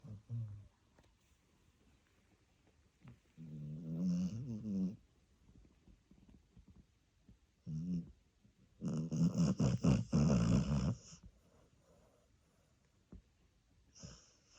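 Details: Dachshund sleeping on the sofa: irregular snorting snores and soft snuffles with quiet gaps between breaths; harmless dog snoring.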